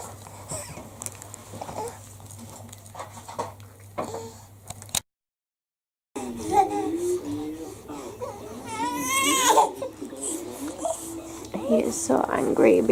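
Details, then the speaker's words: A newborn baby boy whimpers, then gives a loud, rising cry near an adult voice; he is said to cry whenever the parents sit down to eat. "this little guy cries and we have to take it in turns to eat so let's see how this goes"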